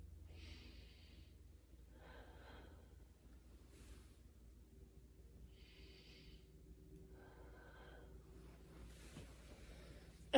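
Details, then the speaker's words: A student nurse auscultates a patient's anterior chest; breath sounds are even and bilateral, with no wheezing or crackles, so they are normal. "again um sounds were even bilateral um no wheezing or crack"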